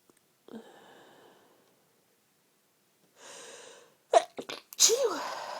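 Two drawn-in breaths, then a quick run of short, muffled bursts: sneezes held back or half held back rather than let out fully.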